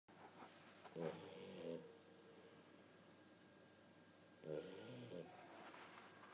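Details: Two soft rattling snores a few seconds apart in a quiet room; snoring during sleep.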